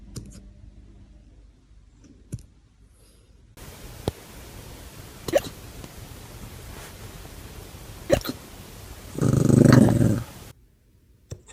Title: Puppy hiccups #foryou #dogvideo #puppy #funnydog #doglover